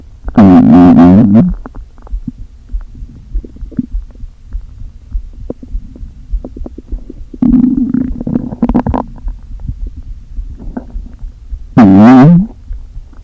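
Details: Stomach noises after not eating all day, with the stomach deliberately inflated a little: three loud, long, gurgling empty-sounding groans with quieter rumbling between; borborygmi.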